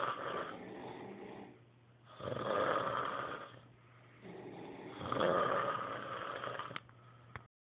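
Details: Snoring recorded on an Android phone: rough, rattling breaths rising and falling in slow cycles, about 22 a minute, over a faint steady hum.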